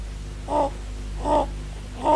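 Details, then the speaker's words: Inspiratory stridor in a sick child with acute respiratory infection, commonly seen in croup syndromes. Repeated harsh, high-pitched crowing with each breath in from a narrowed upper airway, assessed while the child is calm. "Stridor is a harsh noise produced when the sick child breathes in."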